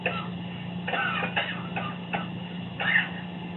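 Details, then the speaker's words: Simulated patient mannequin in a nursing simulation lab, receiving a nebulizer breathing treatment for breathing difficulty: several short, loose productive coughs with throat clearing over a steady nebulizer hum. "good you're coughing we need you to do that so you can cough up whatever's in"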